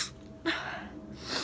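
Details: Single sharp sneeze preceded by a breathy intake and followed by a short exhale, from a girl or her mother during a sneeze challenge after sniffing something that burns; sneeze.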